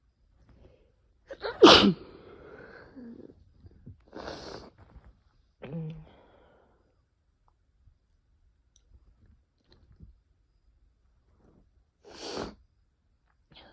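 A loud explosive sneeze followed by softer breathy sounds and another sneeze-like burst later; ordinary sneezing.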